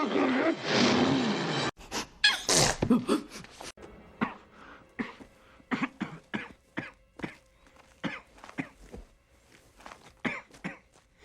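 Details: Acted sneezes and coughs from a supercut of movie scenes: loud breathy sneeze and cough bursts followed by a rapid string of short coughs.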